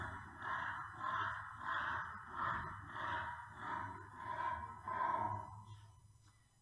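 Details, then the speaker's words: Flat-faced dog (often Bulldogs or Pugs) during a stethoscope exercise test: rapid, loud, harsh breaths with a whistling, snoring edge. This is obstructive upper airway noise after brief exercise in brachycephalic obstructive airway syndrome. "we saw lots of dogs often Bulldogs often Pugs that they were quite relaxed with their owners and they had a nice low respiratory rate but as soon as they did anything then"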